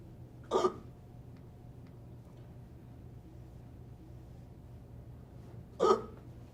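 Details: Two sharp, abrupt inspiratory hiccups about five seconds apart over steady room noise, from a person described as having chronic hiccups.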